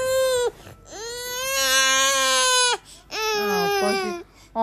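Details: Infant boy crying in three loud, high wails with short breaths between, fussing to be picked up and carried; ordinary crying, no cough heard in this clip.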